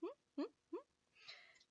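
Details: Adult woman with Tourette-like tics; a humming vocal tic.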